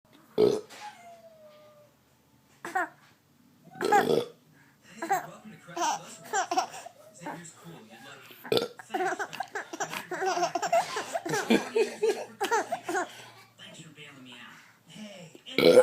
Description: My daughter laughing repeatedly at me burping. Kinda of gross kind of hilarious.